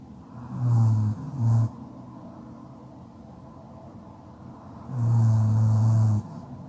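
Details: Deep, low, rumbling snores on two breaths during sleep, the first briefly broken, separated by a few quiet seconds: ordinary snoring.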